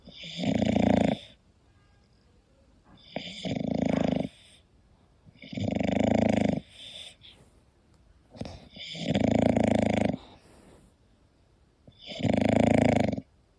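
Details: English Bulldog sleeping and snoring: loud, rattling snores about every three seconds, roughly 20 breaths a minute, quiet pauses between; snoring.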